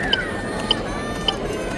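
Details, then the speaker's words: AED voice prompt "Provide chest compressions to the beat" after a delivered shock, then evenly spaced electronic metronome ticks about 100 a minute guiding CPR compressions at least 5 cm deep; AED analyzes every 2 minutes; AED CPR metronome prompt. "Provide chest compressions to the beat."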